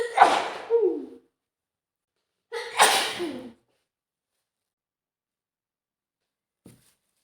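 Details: Simulated scenario of a woman with a cold after being soaked in a storm: two strong, forceful sick sneezes about two seconds apart, each a sharp intake then explosive burst.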